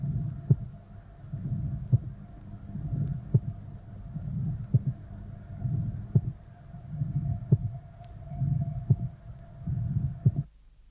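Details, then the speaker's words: Mild pulmonary stenosis recording, slowed to half speed. Loud systolic murmur with a loud aortic closure sound, followed by a soft, delayed P2 about 0.06 seconds after A2: split second sound with delayed pulmonary component. "but the delayed and softer P2 will only be heard if if the listener concentrates on the period after aortic closure the time interval between the two components is 006 [Music] seconds"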